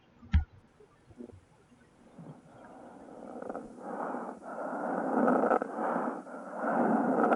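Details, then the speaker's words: Played recording of death rattle in a dying patient in the active dying phase: noisy, wet, gurgling breaths growing louder, rattling with each breath from bronchial hypersecretion after loss of swallowing. "É uma hipersecreção brônquica que surge porque na fase final de vida, dentro do processo ativo de morte, o paciente ele perde essa capacidade de deglutição, ocorre um relaxamento dessa musculatura, tá?"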